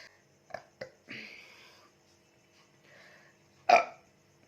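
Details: Burping challenge after drinking Coca-Cola, real burps: several short burps, one drawn-out burp and a final loud burp in a quiet room.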